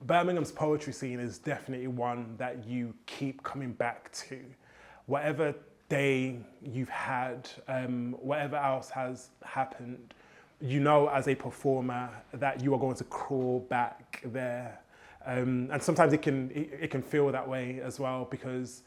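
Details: Stuttering (stammer) in a male poet, present since childhood; he says rhythm and melody help his fluency.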